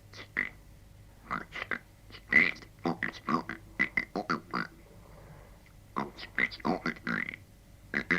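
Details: 1964 recording of a patient demonstrating the rarely used glossopharyngeal method of voice production without vocal cords, not understandable on the record: glossopharyngeal (frog) speech.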